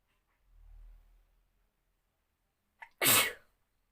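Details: Sneezing challenge, sneezes apparently induced with a piece of paper: a quick indrawn breath, then one loud explosive sneeze.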